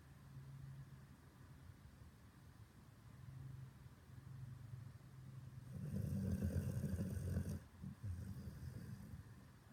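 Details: Low rumbling breaths with a louder snoring burst near the end over steady background hum; snoring.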